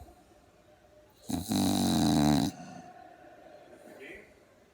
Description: Dog - Pug - snores like an old man..